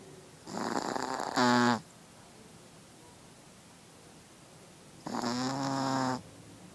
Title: Chihuahua snoring in her sleep